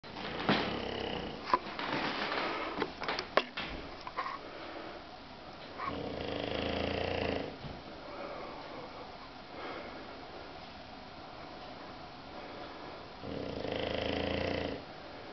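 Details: Sleeping bulldog snoring: noisy snoring breaths, each lasting a second or two, with snuffly sniffing sounds early on.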